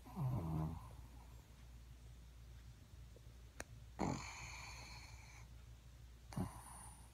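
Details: Subject sleeping with eyes open, species not stated: three low, rattling snoring breaths in seven seconds with quiet breathing between; snoring.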